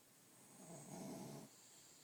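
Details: Sleeping dog snoring normally: a single soft, low, rattling snore on one breath in, with a quiet room hiss behind it.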